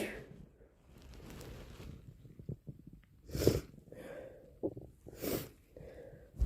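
Two sharp sneeze bursts with noisy breathing and snorting between them; repeated sneezing fitting hay fever.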